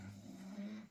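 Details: Snoring.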